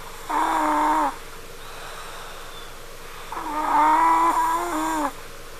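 Two long, high-pitched, whining snores, almost like a cat's cry or a baby's whimper, separated by a quiet pause; snoring.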